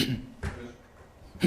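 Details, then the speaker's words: A 73-year-old man with a scratchy, dry throat after talking a lot all day, during a recorded address: short bursts of throat clearing and a dry cough in a small room. "Да, чуть не закашлялся. [кашель] Много говорил очень сегодня."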